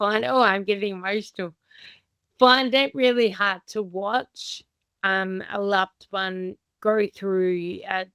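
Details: Adult woman with Friedreich's ataxia, a progressive inherited condition diagnosed at age 17, who is unsteady on her feet; slow dysarthric speech, consistent with ataxic dysarthria.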